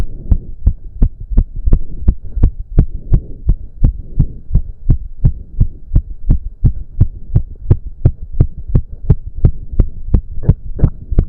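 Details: Male heartbeat during an intense cardio workout of about 15 minutes, with heavy breathing. Strong, very regular pounding at about 170 beats a minute; he reports close to 200 bpm. Exercise sinus tachycardia.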